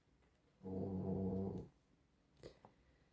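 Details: Pet Luna snoring: a single low, rumbling, voiced breath of about a second, then faint clicks in a quiet room; snoring.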